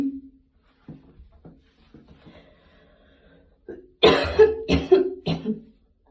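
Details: Coughing bout after a gym workout: after a few faint throat sounds, four loud, harsh coughs with voiced tails in quick succession.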